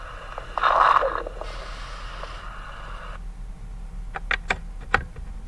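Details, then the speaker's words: Brief, sharp, explosive, non-musical popping clicks over breath sounds, likened to quickly squeezing a plastic PET bottle, in a teaching example of lung sounds; fine crackles. "instrutor é esse som chamado explosivo não não musical que lembra quando a gente aperta uma garrafa pet assim rapidinho né"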